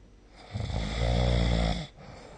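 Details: Snoring recorded with the SnoreLab app: one loud, low rattling snore on an in-breath lasting just over a second, with quiet room noise before and after.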